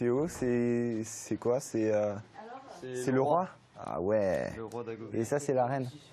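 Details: 16-year-old boy who has stuttered since birth, with a father who also stutters, showing audible word repetitions; stuttering.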